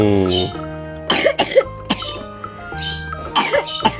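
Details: A child gives two short bouts of pretend coughing over steady background music while playing doctor with a doll.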